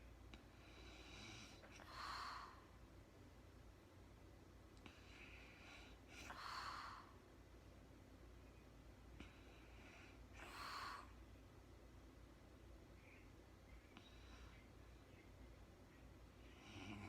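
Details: Real-time recording of a woman snoring during sleep, no talking: soft, airy snoring breaths roughly every four seconds, about 14 a minute, over constant background hiss; mild snoring.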